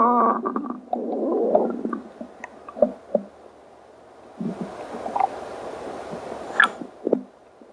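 Irregular gurgling and rumbling growls with squeaky bursts, loud stomach growling from hunger.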